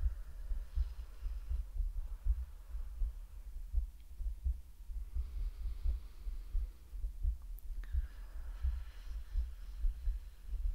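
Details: Woman's heartbeat in an ASMR medical roleplay: soft, muffled low thumps at roughly 85 a minute under a steady hum, an ordinary heartbeat.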